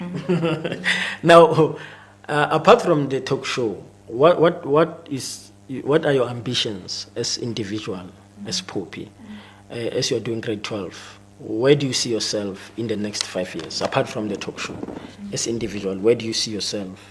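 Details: Adult male speaker; ordinary speech.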